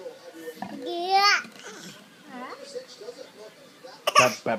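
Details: Young child playfully imitating a cough when asked to cough: vocalizing, then a short, sharp voluntary cough near the end.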